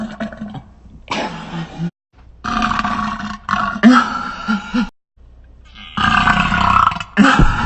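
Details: Part of a burping session lasting 1 minute 49 seconds: a series of loud, drawn-out, gravelly belches with brief silent gaps; repeated burping.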